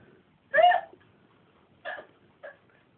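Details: Random hiccups: three short, sudden voiced hiccup sounds within about two seconds in a quiet room.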